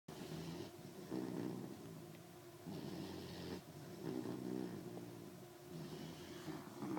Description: Puppy sleeping snores loudly